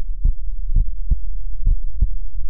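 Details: Own heartbeat recorded with a tiny handheld Stemoscope digital stethoscope paired to a phone or iPad: steady low lub-dub heartbeats at about 65 to 70 a minute; normal heart sounds.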